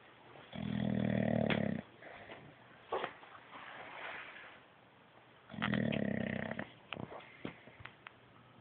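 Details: Dog described as awake and snoring: two loud, rumbling snore-like inhalations with quieter snuffles between them; snoring.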